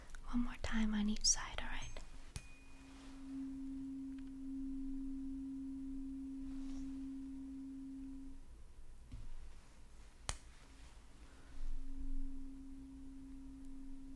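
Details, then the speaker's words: Simulated cranial nerve exam in an ASMR roleplay: a tuning fork is struck and rings as a long, steady hum that fades, then is struck again, while the listener is asked to keep their eyes closed for a hearing test. "My final hearing test for you, again, keeping your eyes closed, is going to be a tuning fork. I'm going to strike the tuning fork, and you just let me know when you can no longer hear it, alright?"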